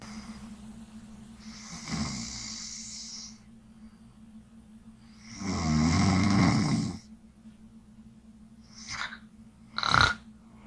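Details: A woman snoring during a nightly live sleep stream: long, rough snoring breaths over a steady background hum, ending in short snorting sounds. Snoring.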